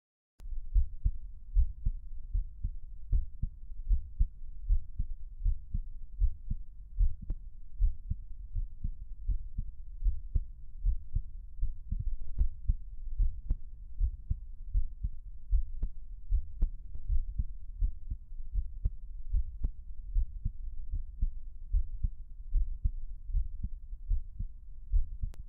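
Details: A person's own normal heartbeat: steady, regular low thumps at about 76 beats a minute, recorded fairly quietly.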